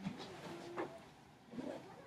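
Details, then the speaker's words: Soft, irregular gurgles and brief squeaky rumbles heard while checking bowel sounds in the abdominal quadrants of a patient with flat, symmetrical abdomen, no trauma or surgery history, during a nursing abdominal assessment: normal bowel sounds. "so what I'm going to do first I'm going to check for bowel sounds and the quadrants two different"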